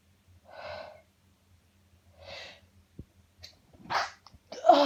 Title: Uncontrollable Sneezing Fit